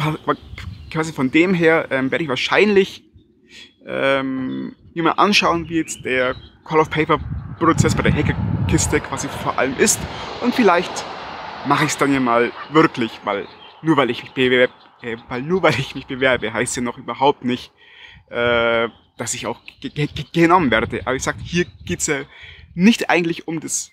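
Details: Stuttering in a German-speaking adult man, recorded outdoors with wind noise.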